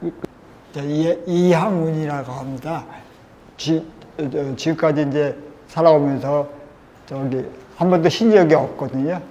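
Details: Dysarthria in a 53-year-old man with multiple system atrophy, which the video attributes to pesticide chemicals from 18 years of pest-control work.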